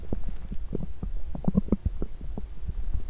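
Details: Loud stomach growling after exercising on an empty stomach, feeling nauseous with cramping gut: low gurgling and bubbling rumbles in quick irregular bursts from active bowel movement.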